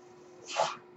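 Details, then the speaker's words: The speaker's own mechanical ventilator, noted during a recorded podcast, delivering a breath. "That noise you're hearing is my ventilator."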